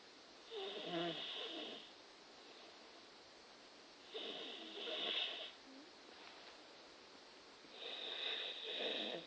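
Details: Sleeping, drooling person: three raspy, fluttering snores about four seconds apart with quiet pauses, roughly 16 breaths a minute; snoring.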